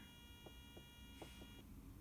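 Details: Steady electronic tone and faint clicks with low room hum from a Masimo fingertip pulse oximeter being set up and turned on, used by a COVID survivor.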